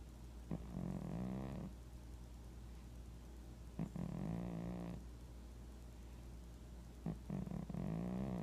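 Three soft, buzzing snores, each opening with a small click, about three seconds apart; a cat snoring.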